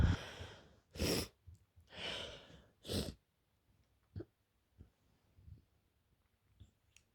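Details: Person with hay fever during rising pollen season in Greece; several sneezes in quick succession with deep breaths between, then quiet sniffs; sneezing fit.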